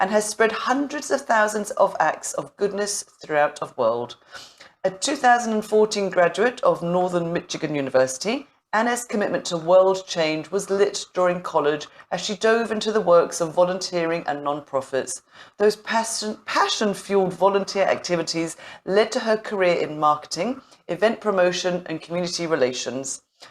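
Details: Adult speaker; Normal speech.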